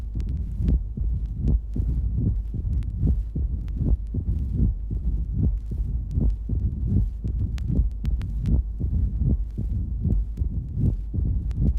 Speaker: Mitral stenosis, recorded at the apex of the heart. The loud accentuated first sound is preceded by a diastolic crescendo murmur. The second sound is divided.